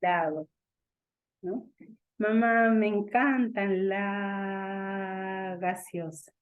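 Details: Imitated stuttering with sound prolongations, performed by a speech-language specialist to show how a young child who stutters speaks, with sounds involuntarily stretched out.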